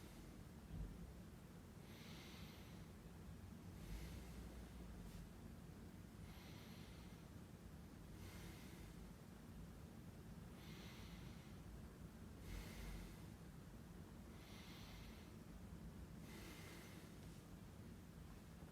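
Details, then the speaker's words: Normal breath sounds heard through a stethoscope on the chest, front and back, during a student physiotherapist's auscultation demonstration: slow, regular deep breaths on instruction, soft airy rushes in and out, about 13 a minute. "I'm just going to be using my stethoscope here to listen to how you breathe."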